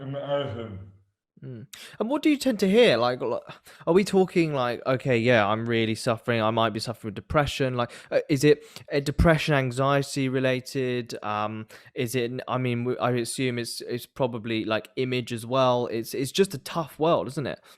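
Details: Adult man speaking; typical speech.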